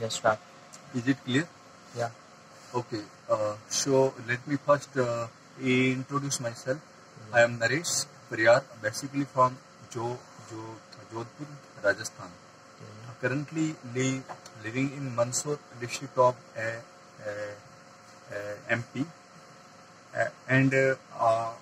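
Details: Adult man who stammers, getting stuck on words and repeating, trying techniques to manage extra muscular stress while speaking; stammering.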